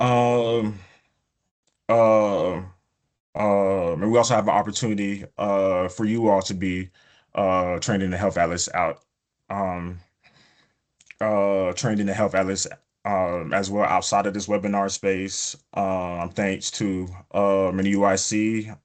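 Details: Adult man, a person who stutters, presenting a webinar; he reports prolongations of words or sounds, blocks and repetitions in his speech; stuttering.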